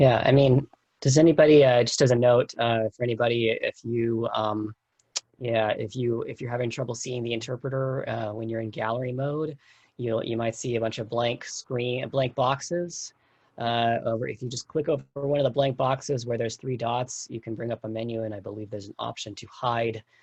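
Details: Adult man speaking; Typical speech.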